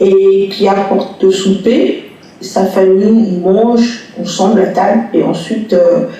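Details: Adult bilingual woman who stutters, one of 13 adults aged 20 to 42 in a study of disfluency in both languages, retelling a picture story; stuttering.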